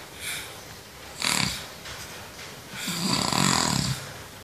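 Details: Sleeping adult with rough, rattling snores on each breath in and noisy breaths between; snoring.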